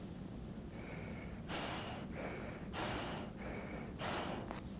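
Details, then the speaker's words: Soft repeated breaths through a valved inhaler spacer with face mask in an asthma education demo, about 6 to 7 in-and-out breaths per single puff, the valve opening on inhalation and closing on exhalation. "When they breathe in, this valve opens. When they breathe back towards here, that actually closes, and they're actually breathing out here."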